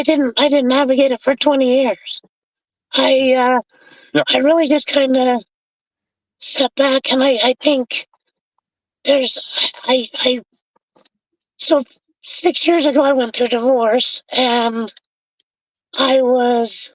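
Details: Adult man with bilateral vocal fold paralysis from a severe injury (lungs three-quarters full of blood); tracheostomy removed after 2 months; scope still shows paralyzed cords; over 25 years since onset.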